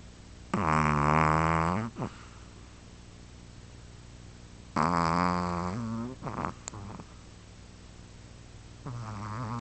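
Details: Loud, rattling, throaty snores on the in-breath with quieter breathing between; snoring.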